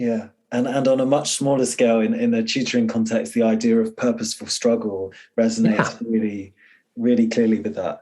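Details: Adult man speaking; normal speech.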